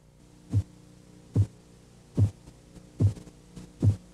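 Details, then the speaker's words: Korotkoff sounds heard over the arm during cuff deflation, regular dull tapping thumps at about 72 a minute; blood pressure 110/80/70 (phase 1 at 110, phase 4 at 80, phase 5 at 70); the five Korotkoff phases. "ahora escuche los sonidos una vez más e identifique las cinco fases fases de korotkov no siempre fácil distinguirlas al tomar una lectura real de presión arterial"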